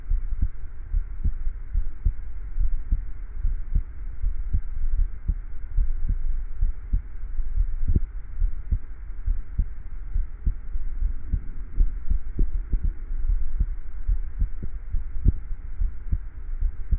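Steady, regular low heart thumps in an even rhythm, a normal-sounding heartbeat.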